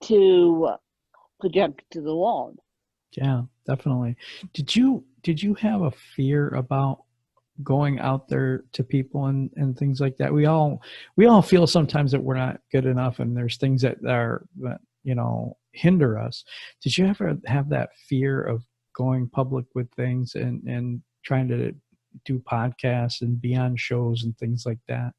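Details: Adult male speaker; typical speech.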